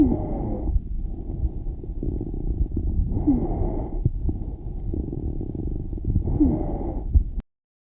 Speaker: Here we have an example of inspiratory wheezes and expiratory crackles